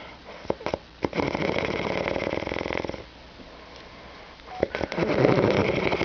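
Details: Person recorded by their brother while asleep: two loud, vibrating snores on the in-breaths, with a short pause between them and a few snorts and sniffs; snoring.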